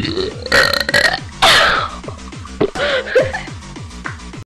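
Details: Girl producing several loud, prolonged, gurgling burps over background music; belching, stated to be real, not faked.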